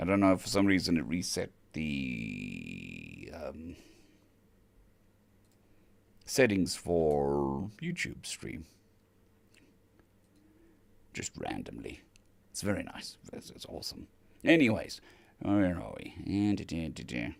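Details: Adult male recovering from vocal cord surgery, with the cords mostly healed but having lost strength and stamina, and physiotherapy currently pushing the voice; dysphonia after vocal cord surgery.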